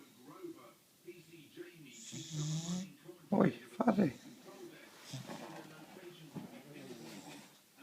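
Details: Bulldog snoring with rough snorting breaths and a few louder grunting snorts, faint voices in background; snoring.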